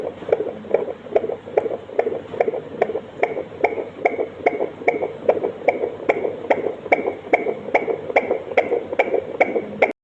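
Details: Fetal heart sounds: rapid, regular whooshing heartbeat at about 146 beats a minute, within the normal fetal range.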